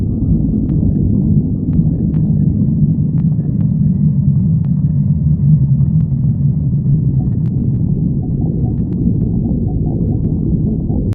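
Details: Stomach growling: loud, steady low rumbling with scattered bubbling clicks throughout, from moving gas and fluid.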